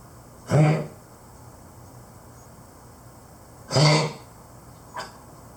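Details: 12+ year old Keeshond with a worsening cough/honk/hack: two harsh honking coughs, then a softer short hack, in a quiet room.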